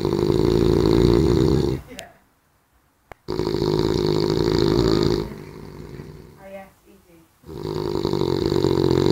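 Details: Adult man gives a big, loud snore in.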